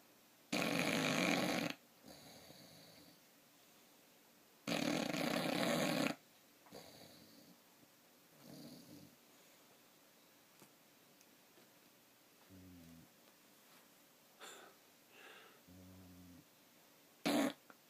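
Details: Snoring that keeps someone from sleeping well: two loud, harsh snores about four seconds apart, followed by softer snuffling breaths and small squeaks.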